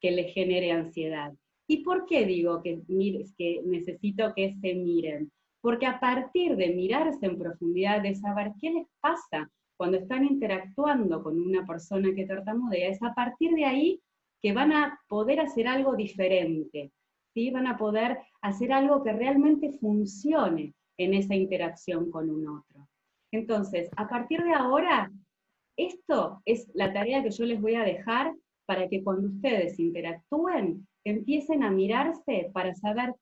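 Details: Adult female speaker (speech-language clinician); normal fluent speech.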